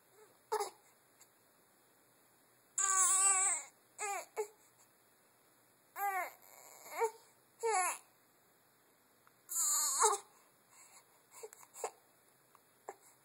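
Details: Six-week-old infant girl, crying and smiling: short bursts of crying with whimpers and fussing between, quiet room.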